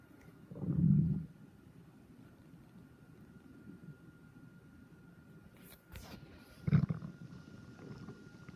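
Two low, deep gurgling rumbles from the belly over a quiet background with a few brief handling sounds: ordinary stomach growling (borborygmi).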